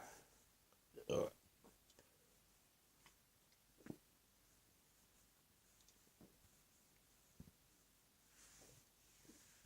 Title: Burps After a Few Days Off YouTube!